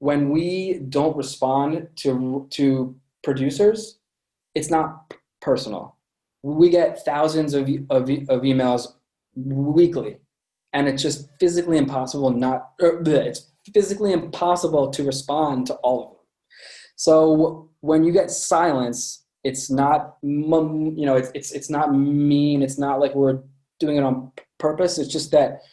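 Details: Adult man with a lifelong stutter present since birth; repetitions in this stretch; stuttering.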